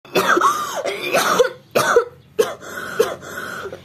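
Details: Simulated in a nurse's educational skit: adult acts out a run of harsh, throaty coughs; three weeks of cough with night sweats and weight loss, suspected tuberculosis pending sputum test and chest X-ray.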